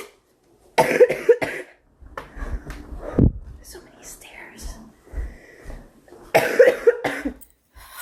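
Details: Two clusters of quick, harsh coughs from a girl in a small room, with breathing and brief noises between bouts.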